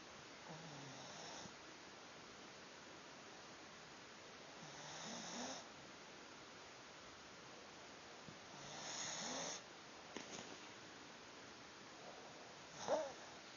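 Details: Nearly 4-month-old in deep sleep: soft, rough snores on each breath, about 15 a minute, over quiet room hiss; ordinary snoring.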